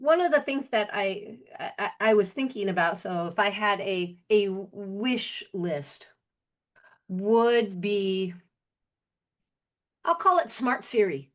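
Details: Adult man with aphasia from a stroke 21 years ago: at first unable to speak, then one word for a year, gradually more, with some lasting difficulty; aphasia.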